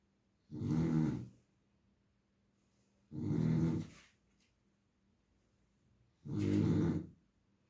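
Three deep rattling snores in a quiet room, about 21 a minute; snoring.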